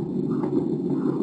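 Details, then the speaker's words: Obstetric Doppler at 21 weeks: uterine artery sampled beyond its crossing over the external iliac vessels; steady whooshing flow with high diastolic flow, no early diastolic notch, RI under 0.58; normal low-resistance uterine artery signal. "اليوتراين ارتري من الارتريز المعروف انها فيري لو ريزيستنس انا بجيبه بعد السايت اوف كروسنج تمام النورمال بتاعي تمام لازم يكون الدايستول عالي تمام بالنسبه للسيستول"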